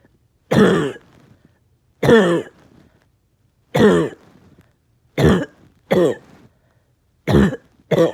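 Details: Seven short, forceful, dry-sounding coughs at irregular intervals from a person with a bad cough all day who feels tired and has chest pain. Repeated cough.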